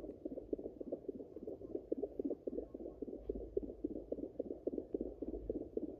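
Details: Rapid, regular whooshing pulses near 210 a minute, picked up by Doppler on a pregnant Yorkshire Terrier at day 49 of pregnancy: puppy fetal heartbeat.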